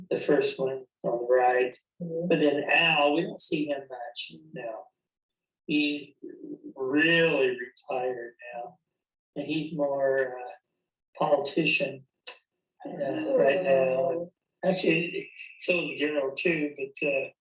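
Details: Man with chronic anomic aphasia, describing a photo with a clinician during a collaborative referencing conversation therapy game. Real speech showing anomic aphasia.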